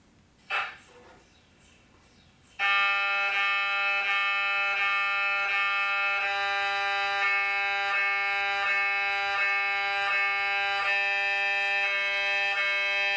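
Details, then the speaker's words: Simulated MRI scanner noise from a prototype AR app that prepares children for an MRI: loud, steady tonal buzzing with rhythmic pulsing, about 94 a minute. "an MRI is just a big magnet with a camera magnets and cameras don't hurt the MRI machine is left press the button to hear what it sounds like"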